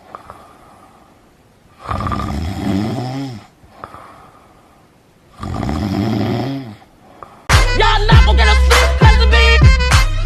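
Two long, low, rattling snores on inhaling, each followed by quiet, then loud music cuts in.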